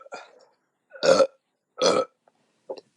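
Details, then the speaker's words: Woman burping after chugging seltzer and half a beer, mouth open: several loud, low, rumbling burps of differing pitch in quick succession, like three different tones. "wow that was like three different tones it was like um a musical instrument that was only half a beer"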